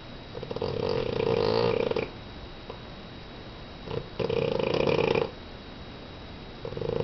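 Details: Sleeping dog, eyes open while asleep: loud, buzzing snores on long breaths in, with quieter pauses between them; snoring.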